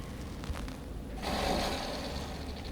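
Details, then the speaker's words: Female cystic fibrosis patient uses an Aerobika oscillating PEP device: a deep breath in, a breath hold of about 3 seconds, then a long 5–6 second exhalation with a fluttering rasp; one of six sets of 15 breaths for airway clearance. "she's going to do six sets of 15 breaths like that so she's going to demonstrate one of those cycles for us and a good breath hold and blow good breath hold one two three four five big deep breath in"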